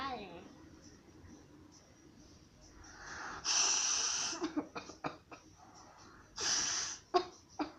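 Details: Person with allergies and a blocked nose: two long, forceful nose blows, each followed by short wet sniffs and snorts. Sneezing and a nosebleed are also reported.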